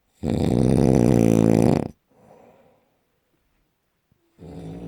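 Very loud, long, rattling snore on the in-breath, a quieter out-breath, then the next snore beginning; heavy snoring.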